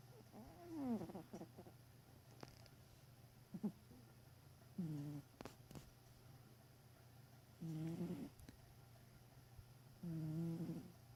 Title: My cat snoring.